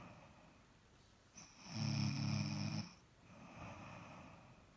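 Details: Person snoring loudly during sleep: one loud, rough, rattling snore on a breath in, with quieter breathing before and after.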